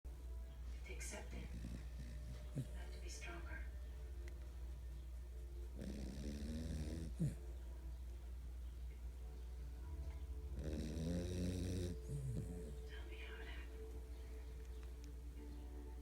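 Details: Chiweenie dog asleep with eyes open, snoring loudly: two drawn-out low, buzzy snoring breaths over a steady low hum with faint background talk; snoring.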